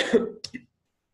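A brief voiced throat sound followed by two short, soft cough bursts from an adult woman.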